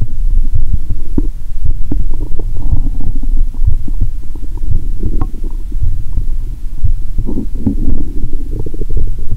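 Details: Stethoscope on own abdomen; watery stomach sounds heard even near the heart; loud continuous low gurgling and rumbling with irregular pops: active bowel sounds (borborygmi).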